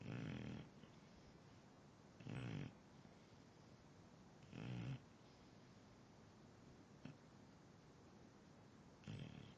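Regular low rattling snores about every 2 seconds, roughly 27 a minute, over steady background hiss; ordinary snoring.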